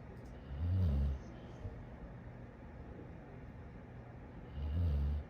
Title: Funny Snoring Dog - Funny Videos